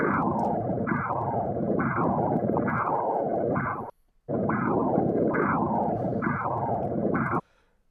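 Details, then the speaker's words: Renal artery Doppler ultrasound: rhythmic whooshing pulses about 70 a minute, with flow continuing between beats. This is normal antegrade, low-resistance flow perfused through both phases of the cardiac cycle. "también en el caso de la arteria renal nosotros tenemos un flujo anterógrado También necesita ser irrigado durante ambas fases del ciclo cardíaco por lo tanto tiene un flujo de baja resistencia vamos a ir ahí a escucharlo y a verlo"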